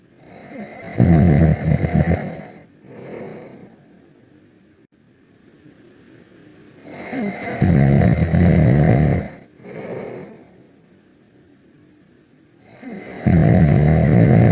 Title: Max And Ruby Taking A Nap (But With Ruby Snoring)